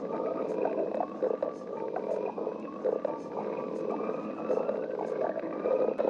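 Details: Stomach growling: gurgling, rumbling borborygmi from the abdomen.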